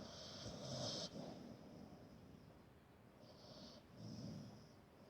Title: My Dog Snoring funny